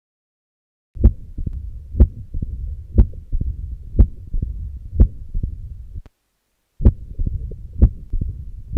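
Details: Mitral stenosis at the apex, heard with the stethoscope bell with the patient turned to the left lateral position: loud snapping first sounds at about 62 a minute and a low-pitched rumbling mid-diastolic murmur.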